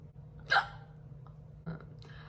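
Two short, sudden voiced catches about a second apart over room hum, typical of hiccups.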